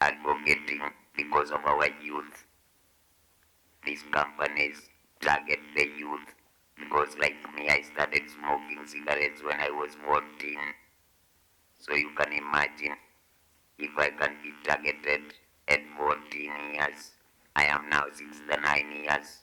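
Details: 69-year-old man who survived smoking-related throat cancer and had his voice removed, speaking with an electrolarynx device held to the throat: electrolarynx speech after laryngectomy.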